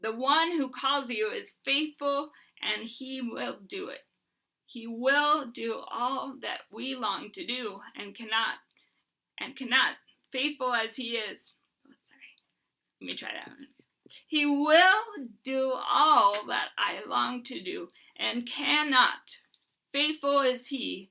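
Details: Adult woman with Huntington's disease, reading aloud; dysarthria in Huntington's disease.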